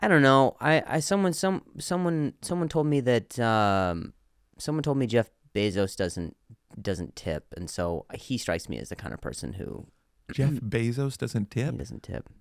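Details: Comedian who stutters, in real conversational speech on a podcast; stuttering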